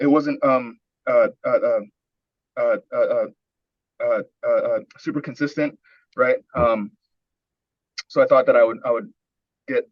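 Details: Adult man with a long history of stuttering, early coaching session, described as severe speech blocks, pushing words out; repeated filler sounds and repeated words; stuttering.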